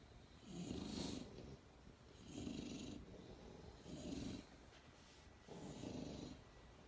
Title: Surrounded by snoring dogs!